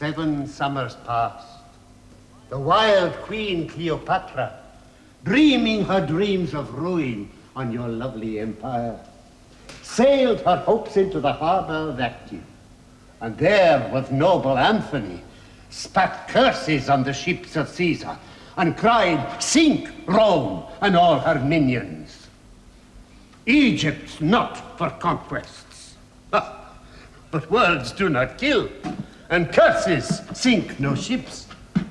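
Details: Adult male actor reciting; ordinary speech.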